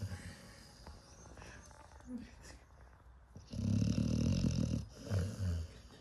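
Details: Sleeping pit bull: deep, rumbling, growl-like snoring bursts with quieter breathing noise in between; snoring.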